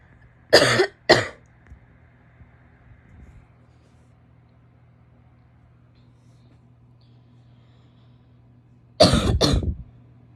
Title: wet barky coughs (f)